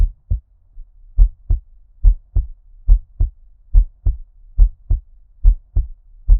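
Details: Normal-rate heartbeat in an ASMR ear-cupping recording: clear, steady paired lub-dub thumps at about 71 beats a minute, muffled as if underwater.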